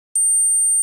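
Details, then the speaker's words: Simulated tonal tinnitus: a steady, very high-pitched pure tone ringing without change, the typical very sharp, tonal type of tinnitus. "Y luego está el tipo de sonido, está el típico muy agudo, muy tonal,"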